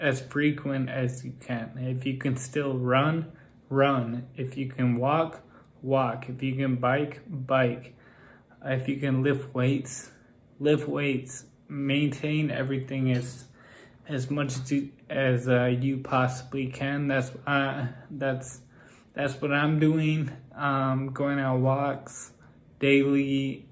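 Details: Adult man with Friedreich's ataxia whose speech has become increasingly impaired over time; ataxic dysarthria.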